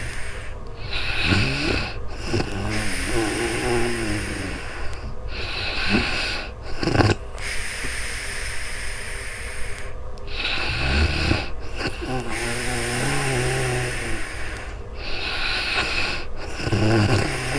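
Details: Real-time sleep recording with snoring: rough snoring and snorting breaths over steady hiss and room noise, recorded on a new microphone.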